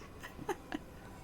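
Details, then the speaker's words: Loud roaring stomach growl (borborygmi) from an adult who says they have already eaten tea, yogurt, banana and toast that morning; the growling recurs. "You guys hear that? That was my stomach. Just went like roar."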